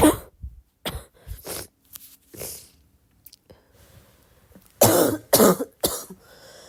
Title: how would you describe my cough?